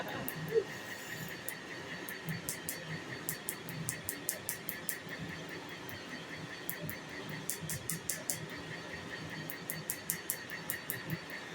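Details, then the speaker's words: Laser tattoo removal, Nd:YAG, on a man's tattoo being partially lightened before a cover-up; quick sharp popping snaps over a faint background tone as the laser hits ink, a sound meaning it is on target. "But yes, I like hearing the sound though, because it means that we're spot on where we should be when we're hearing it like this. Yeah. So to me, it's a happy sound."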